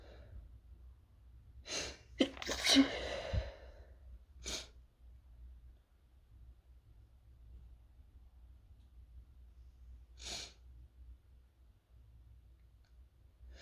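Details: Person who is sick with a sore throat, sneezing from toasting chili peppers while trying to stifle: a breathy sneeze, a loud partly held-back sneeze, then two brief stifled sneezes in a quiet room; irritant-triggered sneezing.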